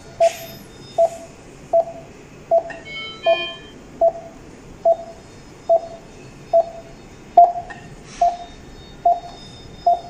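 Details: Dräger Infinity Delta XL patient monitor connected to a patient simulator: steady pulse beeps at about 70 a minute, with a few brief alert tones between them.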